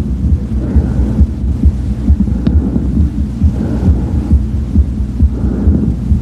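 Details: Bronchial breath sounds over the left lower lobe on auscultation: harsh, hollow breathing over rapid heart thumps, suggesting consolidation.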